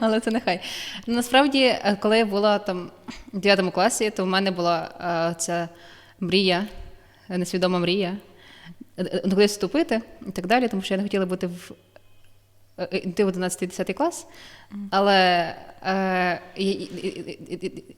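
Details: Young adult woman with stuttering, describing her own lived experience and the methods that help her; psychotherapy, breathing techniques and work with shame are discussed; stuttering.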